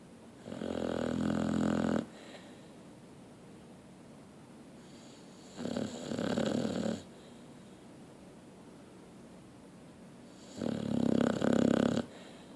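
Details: Snoring: three loud, rough snores spaced several seconds apart, with quiet breathing between them.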